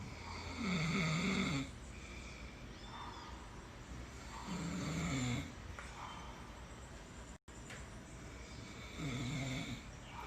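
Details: Man filmed snoring while asleep: loud, fluttering snores on each inhalation, about 15 a minute, with quieter exhalations between; ordinary snoring.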